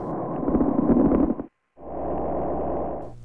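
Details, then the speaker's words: Diminished breath sounds over the lower lung on a male auscultation manikin via stethoscope: soft, muffled breath sounds, contrasting with coarse crackles at the upper lung. "to illustrate diminished lower lung sounds place the stethoscope on the lower"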